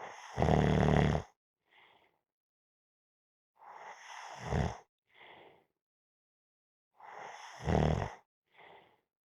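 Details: Three loud rattling snores during a nap, one with each breath in followed by a softer breath out, about 20 breaths a minute; snoring.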